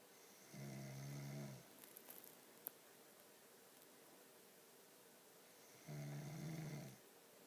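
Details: Snoring: two long, low, rumbling snores on the breath with quiet pauses between them.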